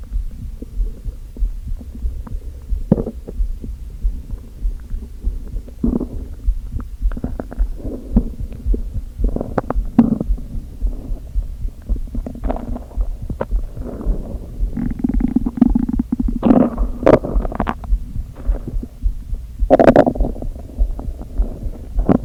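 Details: Hunger stomach growling after eating nothing all day except coffee, with hunger pangs: low throbbing rumble with scattered gurgles and squeaks from an empty stomach.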